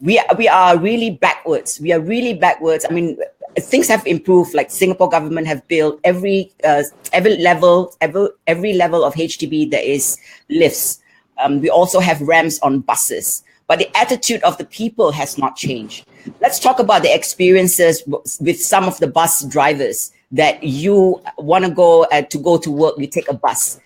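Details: Adult speaker; typical speech.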